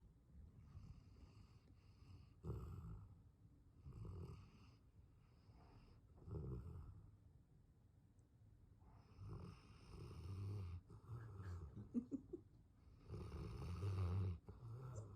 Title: Does your english mastiff snore this loud? #englishmastiff #dogsnorechallenge